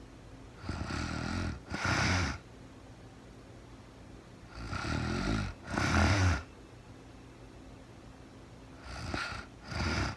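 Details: Real-time recording of a sleeping woman, very tired, snoring: paired sounds, a rough in-breath then a noisy out-breath, about 7–8 breaths a minute with quiet gaps between.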